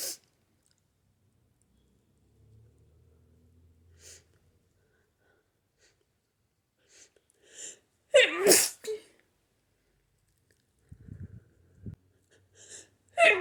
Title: Violent hayfever sneezes